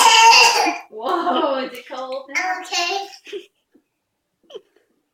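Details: Young child coughing, one of two coughing girls: a harsh, voiced cough burst, then a few shorter voiced, laugh-like sounds in a small room.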